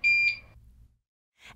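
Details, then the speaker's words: Short high-pitched electronic beeps from a Curlin 6000 infusion pump during a home milrinone infusion, with INFUSION COMPLETE on the display, signalling the bag needs changing: infusion-complete alarm. "and the display window shows INFUSION COMPLETE."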